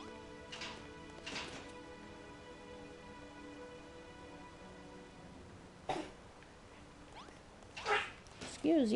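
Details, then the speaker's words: Pet dog coughing in the background: several short, harsh bursts partly masked by steady video game music; dog cough. "doggie i don't know if you can hear my dog coughing background"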